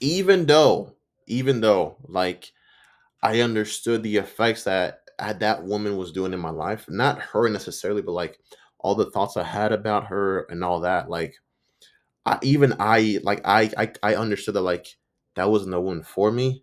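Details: Stuttering in an adult man's own spontaneous speech, with word and part-phrase repetitions; he says he sometimes stutters and butchers words.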